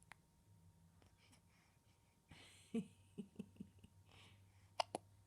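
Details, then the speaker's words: Baby boy hiccuping after feeding while awake: short, abrupt hiccup sounds repeating at irregular intervals over quiet room noise. "You have the hiccups, baby. You have the hiccups, baby boy."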